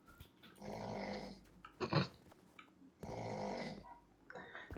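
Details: Rhythmic, rough, rattling breaths in and out with a brief snort between; snoring.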